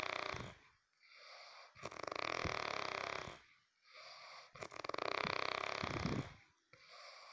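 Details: Snoring: loud, rattling snores on both inhaling and exhaling with quiet pauses between, about eight to nine breaths a minute.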